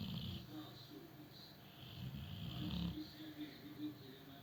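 Low rumbling snores from a sleeping dog, with a faint higher rasp over them; ordinary snoring.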